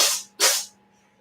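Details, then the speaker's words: Two quick hissing sneezes from a small pet with a badly stopped-up nose, breathing through its mouth, sneezing repeatedly; sneezing. "y'all hear that? Yeah, that's Coda sneezing up a storm."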